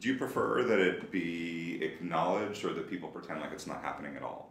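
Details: Adult male speaker; ordinary speech.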